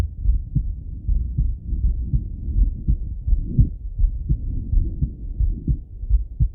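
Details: Male heart auscultated with a stethoscope, recorded either sitting at a desk or lying in bed: steady low lub-dub at about 80 beats a minute with some stethoscope rustle and muffling; normal heart sounds.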